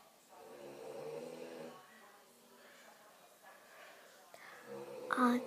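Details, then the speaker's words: Person snoring in a quiet room: two rough, buzzing breath sounds a few seconds apart. "snoring. This is Ate snoring."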